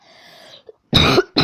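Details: A person with allergies whose nose is acting up coughs on camera and warns listeners about the loudness: one loud, harsh cough burst, then the start of a second; an ordinary cough.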